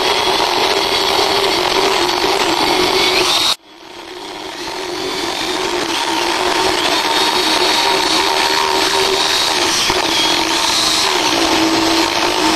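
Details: Female horse's dental exam and prophylaxis: a loud, steady grinding whine of a motorized power float working her teeth, with a brief pause and then resuming.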